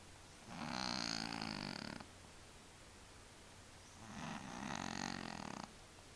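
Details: Sleeping cat snoring: two long, rough, buzzing breaths a few seconds apart over quiet room noise.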